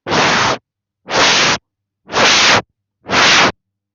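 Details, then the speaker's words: Four loud, harsh whooshing bursts: a teacher's vocal imitation of a stenotic heart murmur, showing turbulence, contrasted with the higher-pitched murmur of valve insufficiency. "Estenosis, sinónimo de turbulencia."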